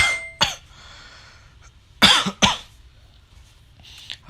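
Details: Simulated cough: three sharp, harsh cough bursts with quiet pauses, faked as rehearsal for a coughing-blood prank; acted cough.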